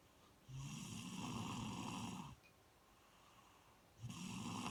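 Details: Person snoring while asleep: long, low, rattling snores on each in-breath with a quiet pause between; ordinary snoring.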